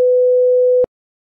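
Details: Sound-effect cardiac monitor flatline alarm: a single steady, unbroken tone under a second, signalling cardiac arrest after normal and increased heart rate.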